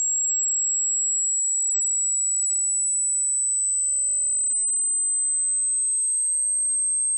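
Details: Simulated tinnitus pitch-matching frequency sweep: a steady, very high pure whistling tone rising only slightly in pitch, part of a 100 Hz to 16,000 Hz sweep for matching tonal tinnitus.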